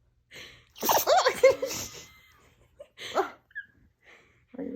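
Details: Puppy snuggled close in its owner's arms sneezes: short sharp nasal bursts with soft breathing between; sneezing.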